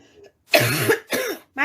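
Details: Woman with a persistent barking cough that worsens at night: two harsh, hoarse barking cough bursts, cut off at the end by the start of a third.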